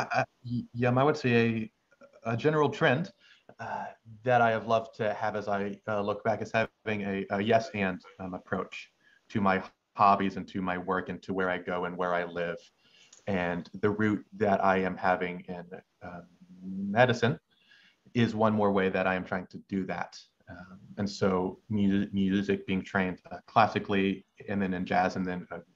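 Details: Stuttering in a male final-year medical student who has stuttered since about age six, with involuntary pauses and blocks; his stutter has improved slowly with age and speech therapy.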